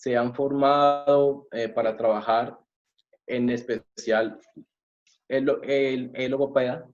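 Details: Adult male, self-described person who stutters, speaking Spanish; stuttering.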